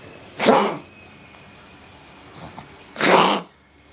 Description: Our Pug Crockett - having a coughing fit that we think might be Kennel Cough.